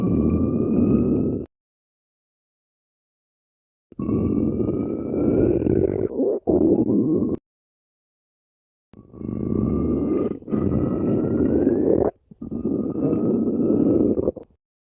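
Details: Stomach growling (borborygmi): long, low gurgling growls with a rising whine in four bursts.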